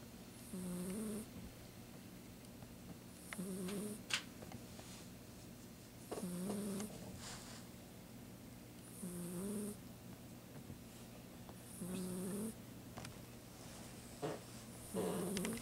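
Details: Sleeping pet, Mika, snoring softly and regularly with a faint hiss on each breath, about 20 breaths a minute, in a quiet room: snoring.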